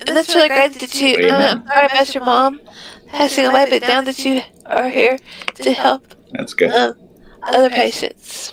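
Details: Woman with multiple system atrophy diagnosed in 2021, recently had her voice box scoped; voice tremor attributed to MSA.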